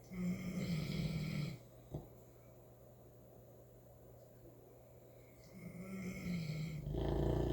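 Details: Cecil, a St. Bernard puppy, snoring: low, buzzing snores on each breath in, with quiet pauses between and a steady low hum underneath.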